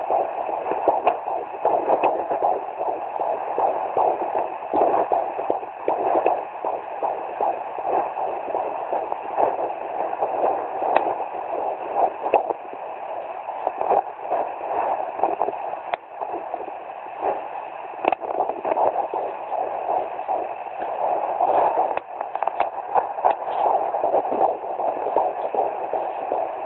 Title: 17 weeks fetal doppler